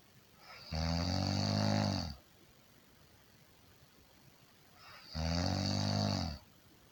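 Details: Two loud, rattling snores on breaths in, about four seconds apart, with quiet between them; ordinary heavy snoring.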